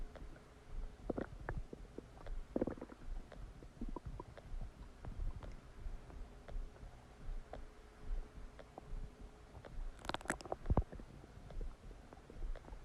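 Continuous gurgling, bubbling and rumbling with scattered squeaks and pops. Active bowel sounds during digestion, normal after a meal.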